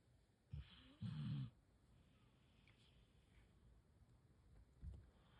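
Soft, low snorting snores from a sleeping dog, a couple of brief bursts over quiet background.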